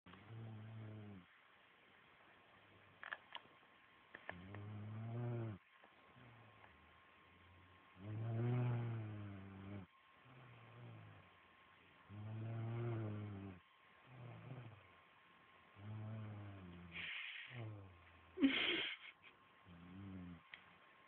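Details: Woman snoring in her sleep: repeated low, rumbling snores with quiet gaps, roughly eight breaths in twenty seconds, in a quiet room; snoring.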